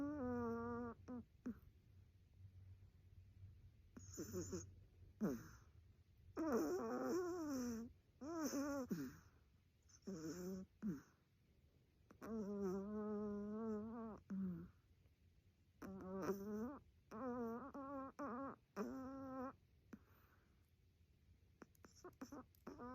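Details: A sleeping Chihuahua gives soft, wavering whines and moans in short bursts; the owner wonders whether it is snoring or sleep talking. Sleep vocalization.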